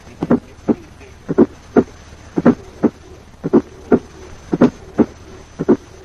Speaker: In cases of hypertension, A2 is loud and may even be louder than the first heart sound in the apical area.